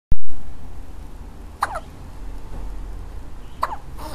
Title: Baby Hiccup ~